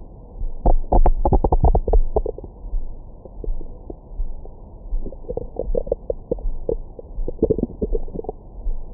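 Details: Normal bowel sounds recorded with a Stemoscope stethoscope microphone over the abdomen after a large meal: frequent gurgles, rumbles and short squeaky bursts, active digestion.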